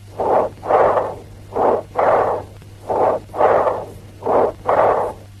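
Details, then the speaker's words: Loud, high-pitched, blowing breaths with the stethoscope diaphragm, expiration louder, higher pitched and as long as or longer than inspiration, with a pause between them: normal bronchial breath sounds. "In bronchial breath sounds, the expiration is louder and higher pitched than inspiration. Expiration is as long as or longer than the inspiration."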